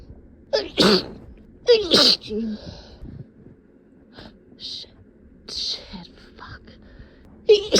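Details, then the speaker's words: Simulated sneezing in a hiding role-play: three sneezes, two loud, with gasps and soft breathy sounds between, as the performer tries to hold back and stifle them against a tickly nose. "I've gotta try to hold back, but it's so tickly. Don't. Oh God, I can't. I have to hold back. Don't sneeze."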